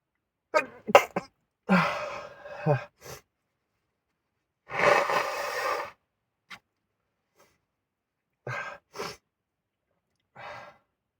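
A few short bursts with sharp inhaled catches, then one long forceful burst and smaller trailing ones, fitting a bout of sneezing.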